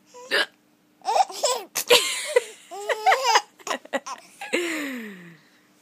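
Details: Giggling and laughter broken by abrupt, jerky catches of breath, ending in a drawn-out laughing sigh; the speaker and a companion both have hiccups; hiccups.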